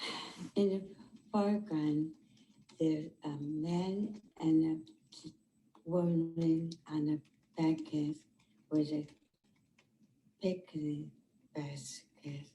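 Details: Patient with nonfluent primary progressive aphasia related to progressive supranuclear palsy or corticobasal degeneration, with dysarthria more severe than apraxia of speech and difficulty coordinating speech with phonation; a steady deficit; dysarthria.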